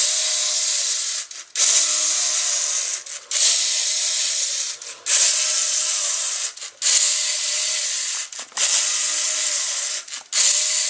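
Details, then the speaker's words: Homemade LEGO Mindstorms NXT emergency ventilator prototype running its programmable cycle without the bag: whirring, gear-driven motor noise in repeating cycles of about 34 a minute, with brief pauses between strokes. "This cycle will continue until stopped. Each part of the sequence is programmable, allowing for different types of cycles for different situations."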